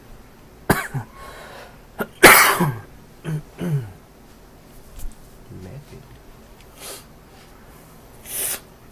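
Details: An adult gives a run of short, harsh, dry coughs with no mucus rattle while playing a video game: dry cough.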